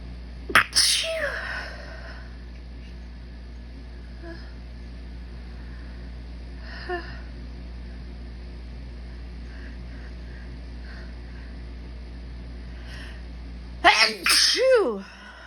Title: Desperate high pitched sneezing pt. 2